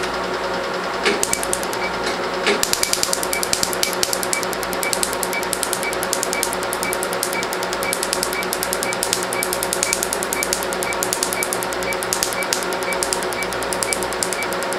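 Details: Rapid crackling snaps with a soft electronic beep in a small room; a pulsed laser firing at low energy during a first removal session of a 4-month-old, mainly black tattoo on an African-American patient's arm, felt like a rubber-band snap.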